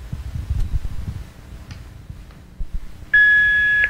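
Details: Room noise and handling sounds, then a steady loud electronic tone from a training AED after both pads are placed on the bare chest and it begins rhythm analysis, before a shock is advised.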